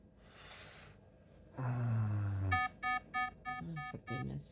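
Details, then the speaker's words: Bedside patient monitor alarm in an adult woman with 22q11.2 deletion syndrome during a migraine: repeated electronic alarm tones after a low voice, signalling falling heart rate around 43–47 bpm (bradycardia); oxygen saturation 97%, earlier 90%. "It's not the breathing, it's your heart rate side of things. So, your oxygen stats are quite stable at the moment, 97. You were down at 90 for a period of time. 45. Your heart rate's just dropping out on me at the moment."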